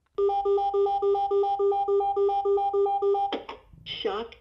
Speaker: It will then tell you it's delivering the shock there's often an audible beep warning at this point.